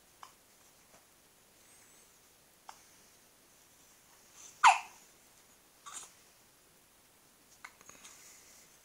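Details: Hiccups: several brief, sharp, spaced hiccup sounds over about nine seconds in a quiet room.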